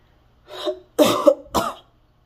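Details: Mother sick at home: three short, rough coughs in quick succession in a quiet room, a lingering cough from her illness.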